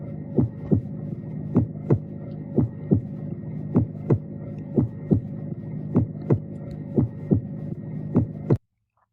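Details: Regular lub-dub heartbeat, about 58 a minute, used to teach the cardiac cycle: normal first (AV valve closure) and second (semilunar valve closure) heart sounds.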